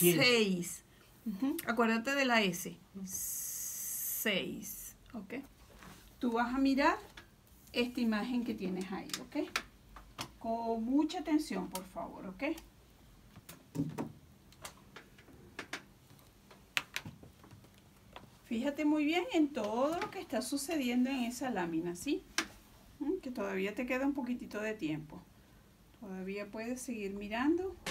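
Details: Adult speaker, Spanish; Normal speech.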